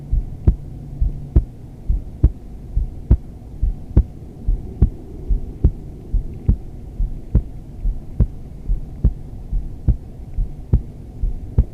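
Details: Adult female heartbeat recorded during yoga, in wide-legged modified child's pose: steady, regular low thumping at about 70 beats a minute over a soft hum; normal heartbeat.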